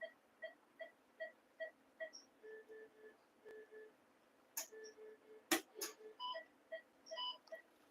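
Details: Phacoemulsification cataract surgery on an 8-year-old female Labrador with mature cataract: regular electronic beeping, then sustained tones as the probe works at vacuum 300, with a few sharp clicks from the machine running.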